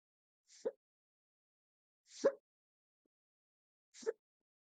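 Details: Induced hiccups recorded with a view of the stomach: three short, quiet gulping catches, roughly one every one and a half seconds, rapid-fire hiccups.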